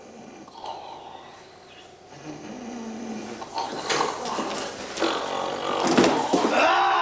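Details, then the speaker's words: Acted snoring in a comedy sketch demonstrating a hose-operated anti-snoring machine: rough, snorting breath noises growing louder, with room noise. "une machine à empêcher de ronfler machine actionnée par un tuyau dont on voit ici la démonstration"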